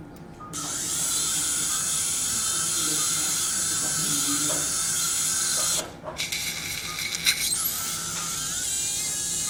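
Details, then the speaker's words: Surgical drill removing more canal bone during transcanal revision tympanoplasty for severe eardrum lateralization, done to control the anterior angle and avoid recurrence: a steady high-pitched whine, briefly interrupted and then resuming. "okay I will continue now to elevate the flap of course we need to drill out a little bit more the bone here"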